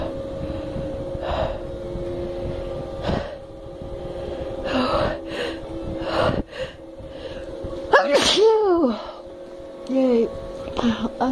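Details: Woman deliberately inducing sneezes with snuff after trying black pepper, with a fan blowing: several sharp sniffs and catching breaths build to one loud sneeze with a falling vocal cry, then light breathing; sneeze.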